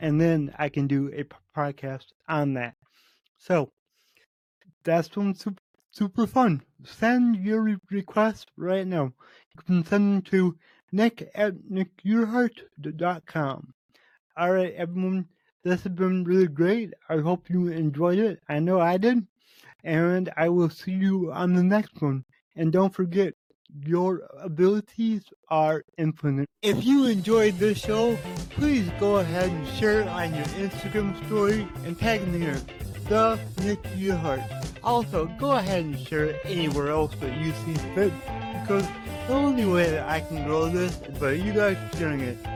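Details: Adult man with cerebral palsy, which he says affects every muscle in his body; he reports his speech is much better than 8 months ago and improving as his health improves; dysarthria from cerebral palsy.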